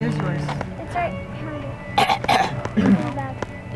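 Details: Young child (niece) babbles about herself, then gives two short, playful cough-like bursts mimicking a cough; imitated cough.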